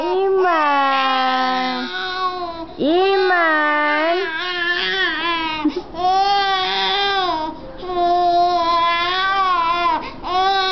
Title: cry baby